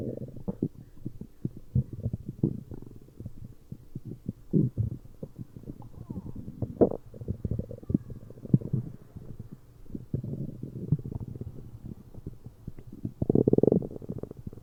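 Low gurgling and rumbling bursts come and go irregularly, ending in a longer growl; ordinary bowel sounds of a growling stomach.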